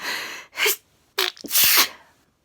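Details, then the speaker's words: Sneezing in an adult with a recurring sneezing problem, starting at bedtime; loud, hissing sneezes with a sharp intake of breath before the last forceful burst. "uh i'd nearly nearly finished putting everything away i was just about to turn the lights off to go to bed started sneezing"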